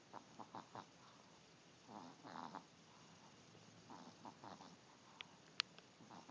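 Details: Sleeping chubby Chihuahua with soft, snuffly snoring breaths in short groups against a quiet background, with a couple of small clicks; snoring.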